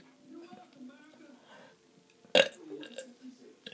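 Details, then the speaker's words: Girl deliberately fake burping: quiet talk, then one loud, abrupt voiced belch; forced, voluntary burp, not natural. "e that's disgusting you know why a burp is always disgusting excuse me it's funny though no way"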